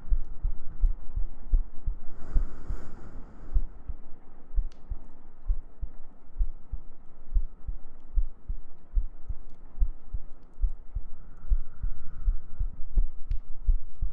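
Soft repeated low thumps, about 60–65 beats a minute, under a steady hum and faint breathy noise; a heartbeat sound.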